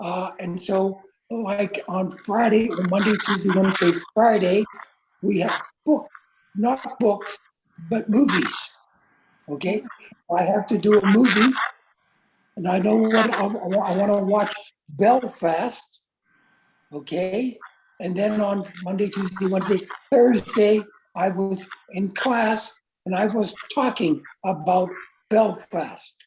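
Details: Aphasia in an adult man since a stroke about 3 years earlier, slowly improving, attending six therapy sessions a week.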